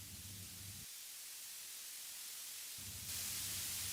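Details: Steady hiss of tinnitus masking noise with a faint low hum that drops out, then a louder hiss; tinnitus masker noise.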